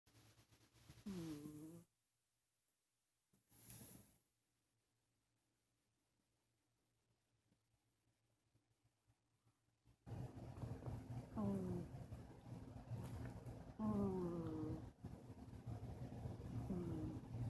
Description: My adorable 2 year old snoring Chihuahua